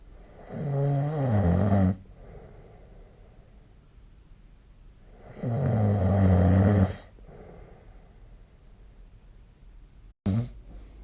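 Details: Snoring recorded with the SnoreLab app: two loud, rattling, low-pitched snores on inhalation about five seconds apart, with quiet breathing between; snoring.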